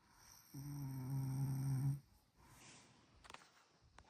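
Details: Snoring from a sleeping household member whose identity is not stated; snoring.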